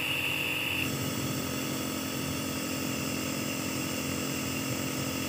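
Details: Home nebulizer compressor set up for nebulizing babies and children: steady loud mechanical hum and buzz of the running compressor, without pauses.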